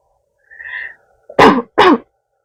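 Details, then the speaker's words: Simulated cough in an ASMR roleplay of a woman with a weak throat since childhood and a sore throat who coughs often when speaking: two sharp, close-miked acted coughs in quick succession after a faint musical tone. "이거 기침 계속하는 거 조금 힘들긴 한데 어쩔 수가 없잖아"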